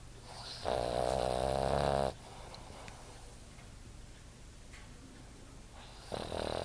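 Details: Boston Terrier sleeping against owner, recorded on an iPod: a loud, fluttering, rattly snore over a second long, then quieter breathing, a second snore starting at the end.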